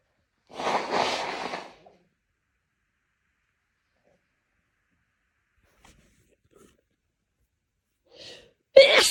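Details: A loud, forceful sneeze, a quiet pause with faint breaths, then the build-up and start of a second sneeze; sneezing induced by tickling the nose.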